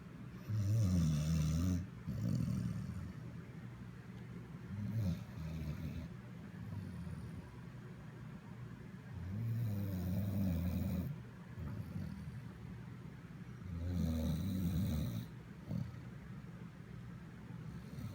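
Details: Snoring: deep rumbling snores roughly every four to five seconds, about thirteen a minute, with quieter breathing between them.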